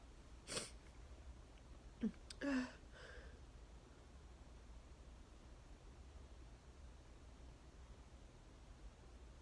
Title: Thank my neighbors for cutting their grass today - sneeze fit plus nose blowing | 34 sneezes